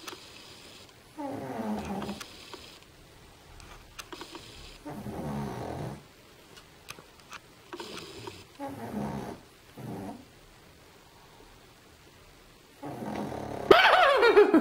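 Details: Snoring: several rough, rumbling snores on each breath with quiet gaps between them, then a brief louder noise at the end as the sleeper gets a fright.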